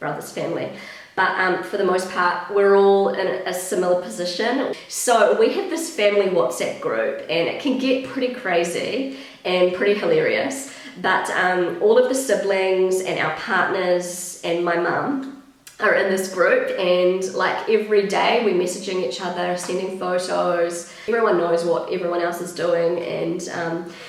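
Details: Woman, currently pregnant, who attributes worsened vocal fry to pregnancy; she reports a habitually croaky voice that is much worse whenever pregnant, and feeling a little out of breath; vocal fry.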